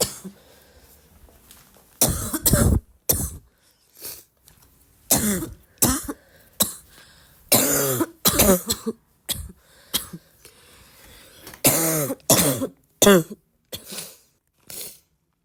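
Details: Girl: a run of about fifteen harsh, barking coughs in a quiet room, some with a hoarse, honking edge; barking cough.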